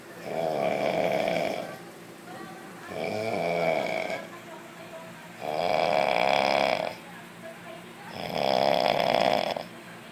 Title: Snore can help me sleep well..